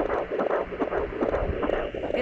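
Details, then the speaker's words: Fetal heartbeat at 17 weeks of pregnancy, picked up with a home Doppler pressed hard on the abdomen: rapid, soft whooshing pulses at about 140 beats per minute. The device's counter is considered inaccurate. "I don't know this counter isn't very accurate but we can hear it there's a baby the camera here it's very quiet"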